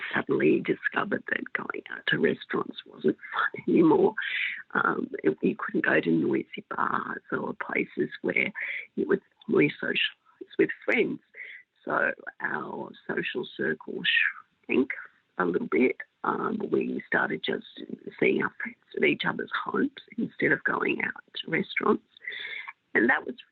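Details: Woman with spasmodic dysphonia for 16 years, both adductor and abductor types, treated with Botox injections into her larynx; her voice may go in and out a little: spasmodic dysphonia (mixed adductor and abductor).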